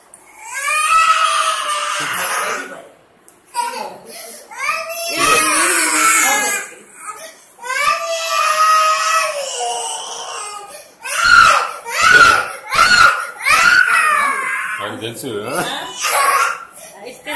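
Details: Loud, irregular crying with sobbing catches between wails from a young child in a small room.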